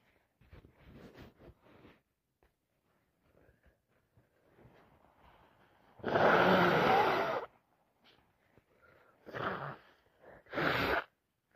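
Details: Soft nasal sniffs, then one loud, long sneeze and two shorter bursts: repeated sneezing with sniffing during a snotty common cold.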